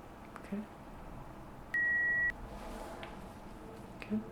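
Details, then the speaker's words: Simulated ASMR role-play hearing test, not a real exam: a single steady half-second pure beep, a test tone at one of several frequencies played through headphones, against quiet room noise. "These tones will play at different frequencies, at different intervals, and they're just to make sure that you can hear them, okay? This isn't a challenge for you, it's just making sure you can hear the beeps, okay?"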